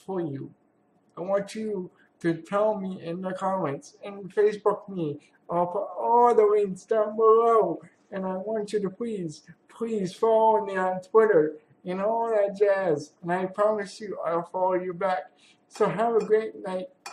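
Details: Adult man with cerebral palsy who attends therapy for muscle pain; speech in cerebral palsy.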